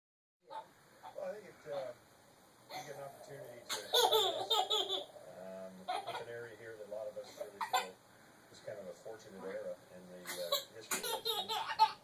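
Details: A baby laughs in bursts broken by short, jerky breath catches consistent with hiccups, with adult voices nearby; laughing with hiccups.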